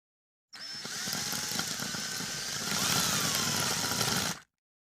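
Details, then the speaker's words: Hammer toe surgery ASMR: surgical drill boring holes into the upper and lower bones of the toe joint before screw fixation, steady high-pitched motor whine with grinding rattle. "drill a hole in the upper bone drill a hole in the lower bone"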